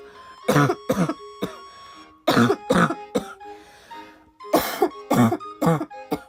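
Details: Girl who says her cough won't stop gives repeated short coughs in clusters of two to four, with throat clearing between, over soft background music; persistent coughing.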